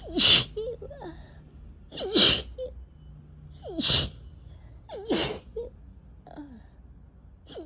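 Five sharp, explosive sneezes about every one and a half seconds, each with a quick intake of breath before it; a run of repeated sneezing.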